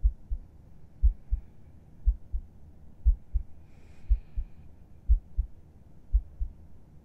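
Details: Resting heartbeat heard with the listener's head on the chest at bedtime: soft, steady paired thumps at about 60 a minute over a low hum; a calm, regular normal heartbeat.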